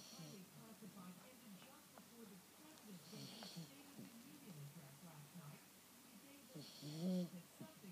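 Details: Small sleeping Chihuahua dog, about 10:30 am in a TV room, gives soft rasping snore bursts about every three seconds, with talk in the background; snoring.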